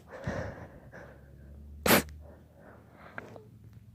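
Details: A single sharp, loud sneeze burst amid quiet breathing and soft background sounds; louder sneezing.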